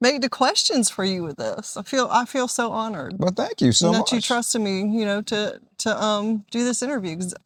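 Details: Adult woman speaking, with a brief second voice; normal speech.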